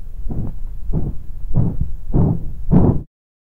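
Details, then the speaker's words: Simulated rhythmic whooshing pulses at heartbeat pace, synchronized with the heartbeat and wrist pulse: pulsatile tinnitus. "However, pulsatile tinnitus literally has a rhythm like a heartbeat, and if you listen carefully, you can see that it is a sound that is synchronized with your heartbeat and the pulse of your wrist."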